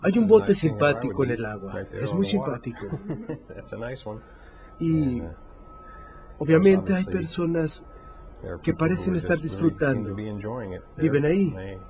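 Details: 56-year-old right-handed man, symptoms beginning almost five years earlier, describing a picture with fluent speech, preserved motor speech and grammar, but missing specific object words; semantic variant primary progressive aphasia (semantic dementia).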